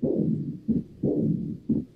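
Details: Diastolic murmur of aortic regurgitation played as a heart sound recording in a valvular disease class; aortic regurgitation murmur.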